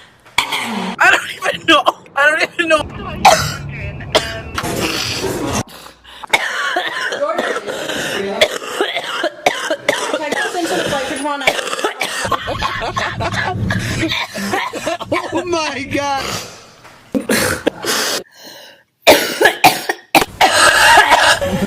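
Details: Coughing fit in a young woman: repeated harsh coughs and throat clearing in bursts between talk and laughter in a room.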